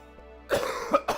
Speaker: Excuse me. As you can hear, still not 100%. If anything, my cough has gotten slightly worse.